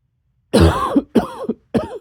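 Three loud, throaty coughs in quick succession, the first strongest, with a rough, clearing quality.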